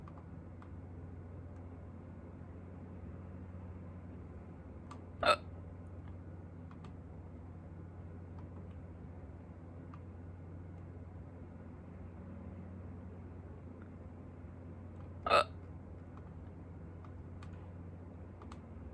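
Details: Hiccups, the first in a long time, recorded in a hurry: two sharp, abrupt hiccup sounds about ten seconds apart against quiet room noise.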